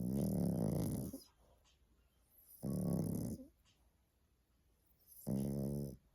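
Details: Dog snoring: three long, low rumbling breath sounds with quiet gaps between them.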